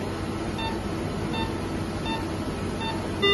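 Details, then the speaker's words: Repeating electronic beeps about every 0.7 seconds over steady machine hum: an anesthesia workstation's hypoxia alarm going off in a demonstration after oxygen concentration is reduced and FiO2 falls to 21 percent. "was 120 20 and now we can see that the hypoxia alarm has gone off"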